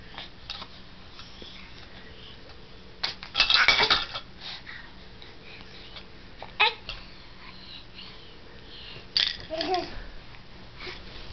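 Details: Sneeze: a child's sudden, forceful sneeze while sneezing and falling, followed by short vocal sounds and giggles in a small, quiet room.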